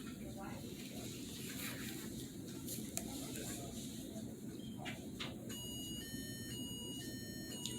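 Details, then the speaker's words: Critical alarm of an implanted abdominal baclofen pump for spasticity, played during a monthly refill visit: repeating two-tone "ambulance" electronic alarm over room noise, meaning the pump has stopped working. "that's what i like to call the ambulance alarm doo doo doo doo doo doo doo doo ambulance right that means the pump has stopped working it's a critical event"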